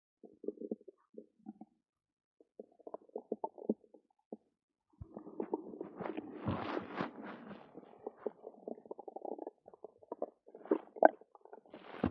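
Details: Stomach rumbling (borborygmi) after drinking two cartons of yogurt: gurgling, bubbling abdominal rumbles in irregular bursts.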